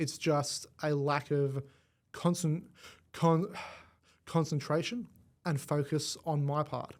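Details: Adult male with cerebral palsy from birth affecting his left side; stuttering described as a symptom of it, first noticed around age five, gone for about a year then returned worse; treated with the McGuire Programme. Finding: stuttering.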